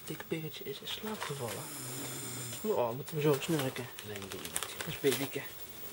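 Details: Adult asleep and tired at a friend's place, filmed by the friend: irregular, rattling, throaty snoring with some room noise.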